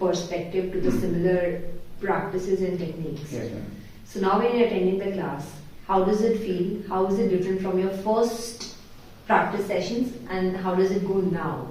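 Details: Adult interviewer; fluent speech.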